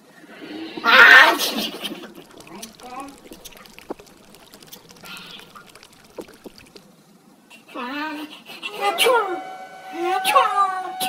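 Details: Imitated sneezes: a sharp explosive sneeze burst followed by comic voiced sneeze-like noises, performed as a comedy demonstration of sneeze types; simulated sneezing.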